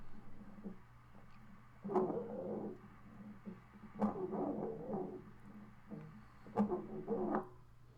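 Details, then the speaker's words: Wheeze in a child with RSV bronchiolitis: a classic musical, whistling wheeze on each breath, with heavy breathing that may include tachypnea and tachycardia. "Um sometimes you can hear the wheezing. This is a classic weeze that you might hear."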